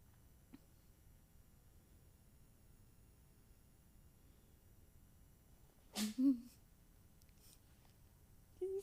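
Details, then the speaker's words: Male cat gives a single sharp, hissing sneeze that sprays, then brief meow-like sounds before running away; sneezing. "Stop sneezing. There's like a spray of things here. That's nasty cat."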